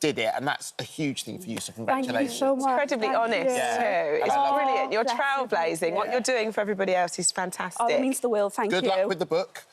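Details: Adult speaker (television host); typical speech.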